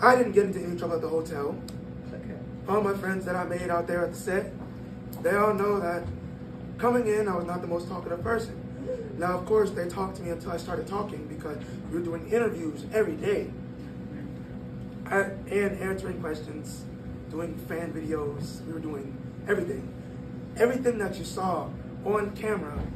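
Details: 22-year-old man born prematurely at about one pound, whose vocal cords still don't close all the way; breathy, high-pitched voice from incomplete vocal cord closure.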